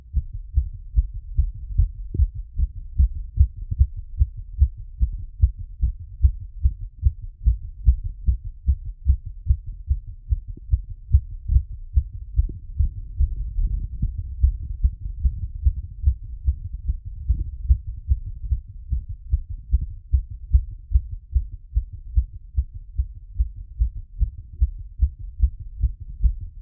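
Fast, strong, regular heartbeat through a stethoscope after exercise, a normal response to exertion.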